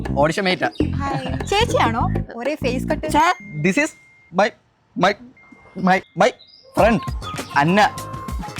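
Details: Acted stuttering: a fictional male drama character who stammers, speaking Malayalam, with repeated words.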